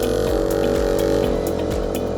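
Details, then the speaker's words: Portable suction machine running during a suctioning setup demonstration: steady motor hum with rhythmic pulsing throb, pressure turned up with a reading of 100, before the suction apparatus is connected. "you would then turn on the machine and they would increase the pressure you would go on the positive side and they would give you your reading here we're showing 100"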